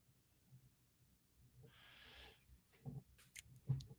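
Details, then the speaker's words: A sleeping dog snores: a long, soft, raspy breath followed by short snorty snuffles over low room hum, heard during a live podcast. "Can you hear my dog snoring away? Zeus."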